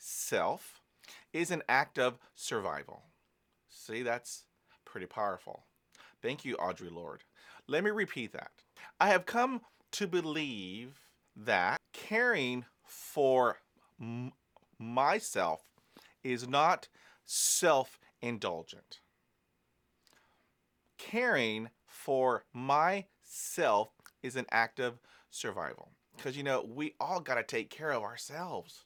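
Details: Adult man who is a person who stutters; he says stress and exhaustion make his stuttering worse; stuttering.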